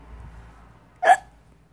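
A single short, abrupt hiccup breaks a quiet room, a sudden catch of breath.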